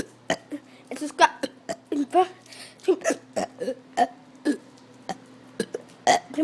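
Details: Repeated burping after drinking a lot of water (about three gallons that day): rapid series of short, voiced belches, about one per second, irregularly spaced.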